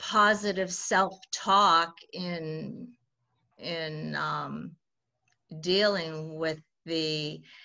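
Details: 68-year-old woman who has stuttered since childhood: stuttering.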